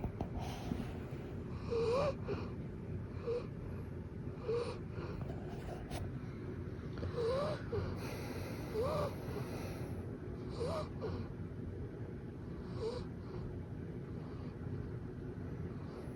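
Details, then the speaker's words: Sleeping Golden Retriever: first of several snore types, saw-like, with regular rasping snores about every one and a half seconds, some with a whistling tone; loud dog snoring. "毛姐姐的鼾声，第一种锯齿声。"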